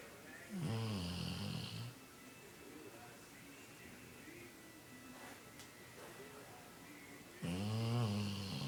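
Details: Dog snoring: two loud, low rattling snores about six seconds apart, with quiet breathing between; owner jokingly wonders whether he needs a sleep apnea test.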